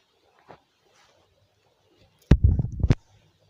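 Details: Adult father's stomach growling (borborygmi) during a stomach infection with dehydration and no sleep.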